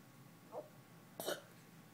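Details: Hiccups: two quiet, abrupt catches in the throat, the second sharper, typical of hiccups, against low background hiss.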